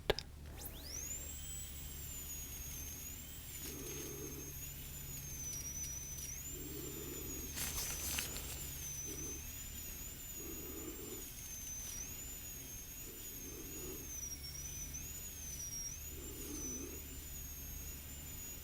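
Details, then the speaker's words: Simulated dental drill sound in an ASMR dental exam and cavity-filling roleplay: a high steady whine with soft intermittent whirring bursts while filing areas before filling a small cavity between the front bottom teeth. "I'm just going to zap a couple areas right here that I think need to be filed down."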